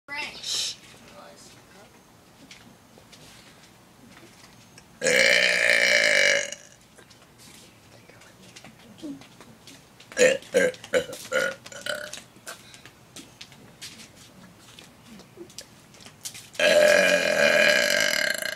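Two long, loud, drawn-out burps with quieter noises and clicks between them; deliberate belching.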